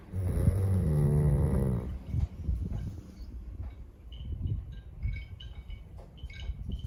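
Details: A deep, rumbling snore lasting almost two seconds, followed by quieter breathing noise, from a Chow Chow dog; snoring.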